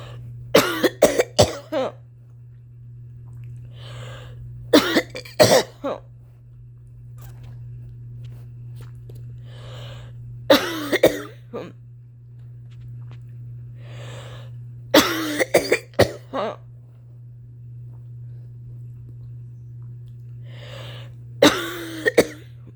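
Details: Performer with a long-standing cough, previously attributed to allergies, now worried about possible asthma: repeated harsh, dry-sounding coughs in clusters of three to five, with quiet breaths between bouts.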